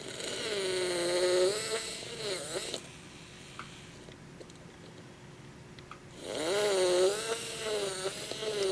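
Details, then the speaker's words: Benchtop (simulated) mandibular guided implant surgery with a surgical guide: a 2.1 mm drill at 800 RPM prepares four osteotomy sites, stopping 4 mm short. Wavering, pitched handpiece motor whine comes in two runs with a quiet pause between. "carrying on unto all four osteotomy sites like so again we're gonna stop 4mm short to engage apical as well as coronal bone upon implant insertion 800 RPM's with the 2.1mm drill diameter"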